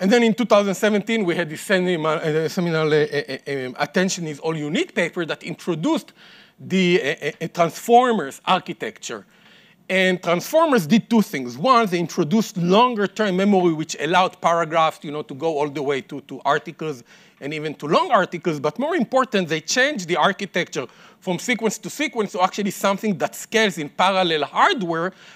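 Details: Adult male speaker; normal speech.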